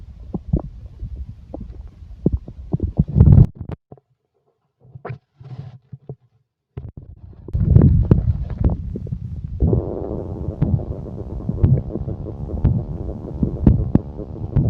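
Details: Stomach growling: low gurgling and rumbling bursts with short pauses, then a steadier rumbling stretch.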